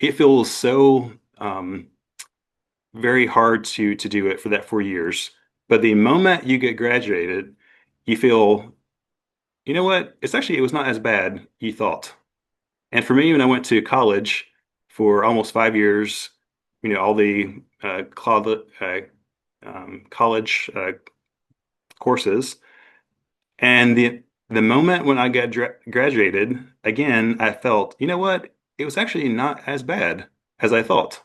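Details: Adult man with aphasia after an accident, presenting his own story; he describes it as a long road but says he is getting much better.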